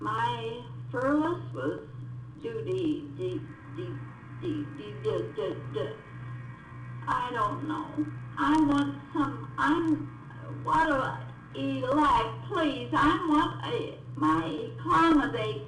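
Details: Real patient in a clinical neurologic exam, with fluent but meaningless speech containing neologisms, paraphasias and few nouns, and usually unaware of the deficit: receptive (Wernicke's) aphasia.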